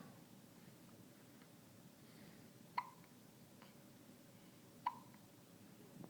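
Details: 8-day-old baby girl with hiccups: two brief, sharp hiccup sounds about two seconds apart over quiet room noise.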